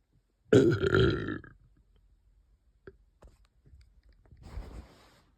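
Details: One long, loud, rumbling burp lasting about a second, followed by a few faint clicks and a softer rush of air.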